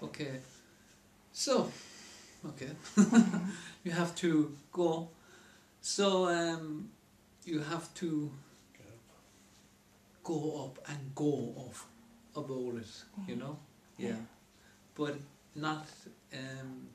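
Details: Person with aphasia after a stroke who lost speech but not memory and could not understand newspaper headlines; aphasia.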